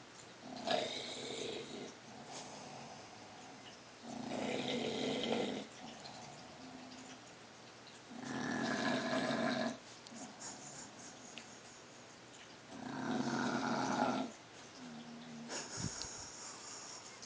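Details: A sleeping dog snoring: loud, rattling snores on each inhale, about 14 breaths a minute, with quieter exhales between.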